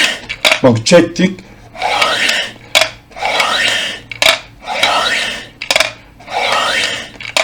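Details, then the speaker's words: Four long, steady blows of about one second through a breathing exercise device, rushing airy sound with short pauses for inhaling, by a man demonstrating lung exercise. "ağzınızı çekeceksiniz nefes alacaksınız nefes aldıktan sonra üzüleceksiniz"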